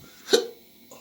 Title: My Hiccups